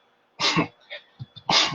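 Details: Adult man with Tourette syndrome, throat-clearing/cough sound mid-sentence: vocal tic (throat clearing).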